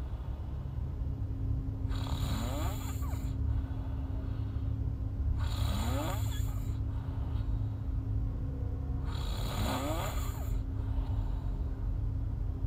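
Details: Snoring in a sleeping girl: three rattling snores on breathing in, about every four seconds (about 15 breaths a minute), over a steady low hum.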